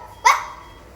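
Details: Barking-like vocalisation from laryngeal spasm/dystonia in a boy with rabies after a dog bite; he died 48 hours later.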